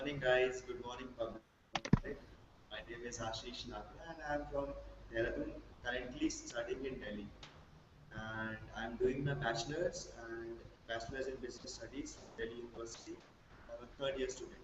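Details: Male college student from Delhi who stammers with blocks, especially on his own name; he is working on it through practice, self-help groups and brief speech therapy; stuttering.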